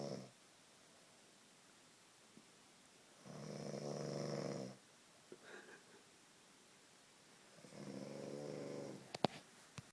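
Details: Snoring of a person described as drunk: two long, rattling snores about four seconds apart over a quiet background, with a few brief clicks near the end.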